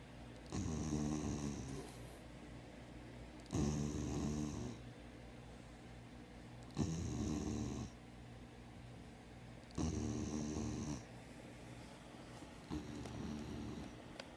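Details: Sleeping spayed female dog, formerly a street dog, sleeping with eyes open: rattling, rumbling snores in a steady rhythm, about 20 breaths a minute, with quiet gaps between. Snoring.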